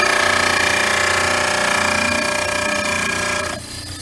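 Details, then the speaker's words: Loud steady grinding and rasping of a model trimmer against a stone upper study model, trimming the off-center front; ends abruptly as the model is lifted away. "and then we'll do the front and you can see this has this angle from the base warmer um it's a little bit off center so that's probably going to be trimmed away differently"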